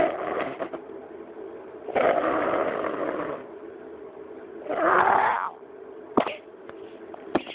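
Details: Child's harsh, rough cough: two longer noisy bursts followed by a couple of short sharp coughs.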